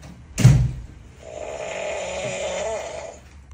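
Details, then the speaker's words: Sleeping person with snoring and sleep apnea: a sudden loud snort followed by one long, buzzing snore; heavy snoring. "parçasından efsane sesler çıkıyor baba inanılmaz kükü hem horan var hem uyku apen var"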